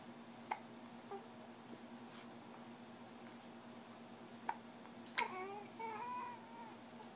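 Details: 7-week-old infant: quiet, sharp hiccups at irregular intervals, then brief whimpering cries over a steady background hum; infant hiccups with fussing.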